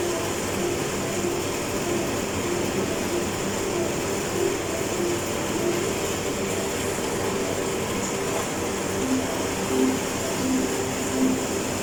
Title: Sound of Hospital Suction